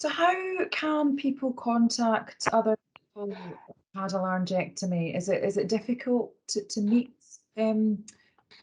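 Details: Adult woman speaking; typical voice.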